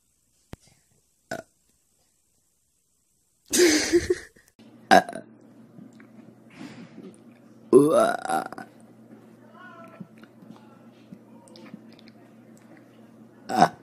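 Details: A friend's burping: a few loud, throaty, ordinary belches over a low steady background hum.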